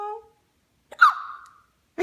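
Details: Single hiccup in a young child: a short voiced sound, then one sharp catching gulp with a brief trailing voice.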